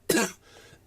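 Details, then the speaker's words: A single harsh, loud adult cough lasting about a quarter second, fading into quiet room noise, during a normal flu with chest pain: an acute cough. "I've been coughing like a demon which I'll just splice in what I sound like"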